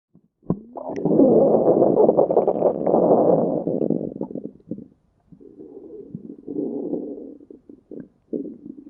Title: stomach growling 4